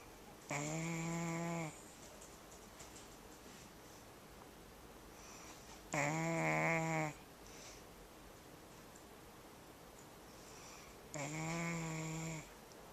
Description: My dalmatian saws serious logs. But it's damned adorable, ain't it?